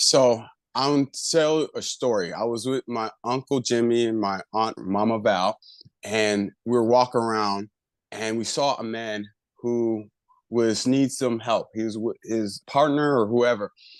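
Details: Adult man with aphasia after a left-hemisphere stroke about a year earlier, still recovering, with word-retrieval difficulty; aphasia.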